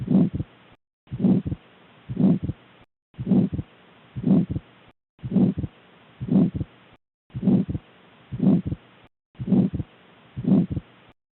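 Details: Pulmonary stenosis heard by stethoscope: regular heartbeats at about 60 a minute with a harsh murmur filling the gap between heart sounds; pulmonary stenosis murmur.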